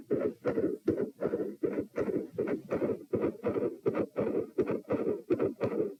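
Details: Heart sounds recorded at position P, lying down, during attempts to provoke murmurs: loud S1 and S2, both split, four sounds, with a midsystolic murmur.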